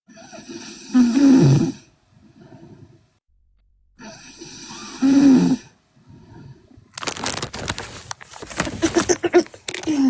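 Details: Sleeping Korean girl: two long, loud rattling snores a few seconds apart, each followed by a softer breath, then louder rough noise; loud snoring.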